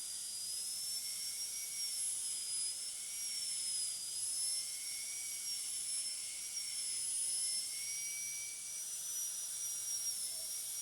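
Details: High-speed dental drill whine, pitch wavering slightly, using a flat tapering polishing burr (TF12EF, yellow band) to smooth the final preparation of tooth 46 for a full veneer metal ceramic crown.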